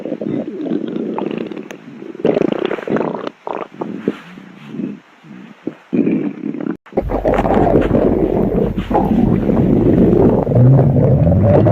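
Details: Normal stomach growling recorded over 3 minutes: low gurgling and rumbling with bubbling pulses, then a loud sustained rumble.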